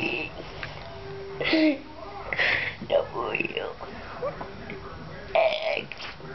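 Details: Girl deliberately burping the alphabet for fun, several drawn-out voiced burps shaped into speech-like sounds with faint background music; burping.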